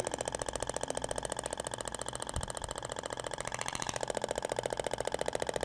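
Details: Rapid, steady train of sharp clicks, about 15 a second: the IBRAMED Thork shockwave device firing over gel on the abdomen, in a practical training demonstration.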